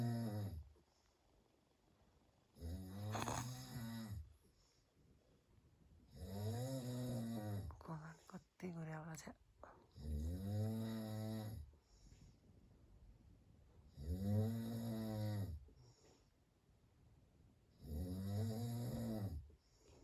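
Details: Husband snoring: loud, rough, buzzing snores on each breath in, about 16 breaths a minute, with quiet pauses between them.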